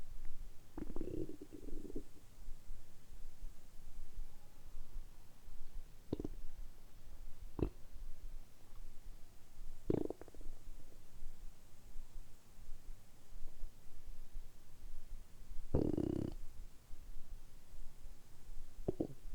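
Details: Several soft, low gurgles and brief rumbles spaced seconds apart over quiet room hiss: stomach rumbling in an adult after about 12–13 hours of fasting, hungry, last meal the previous evening.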